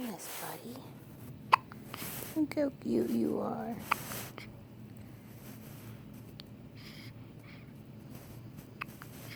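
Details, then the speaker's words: About four sharp, brief hiccups, roughly 25 a minute, with quiet adult talk in the background, from a baby boy in hospital; infant hiccups. "cutest little hiccups, buddy. Finley, did you get the hiccups? Oh my."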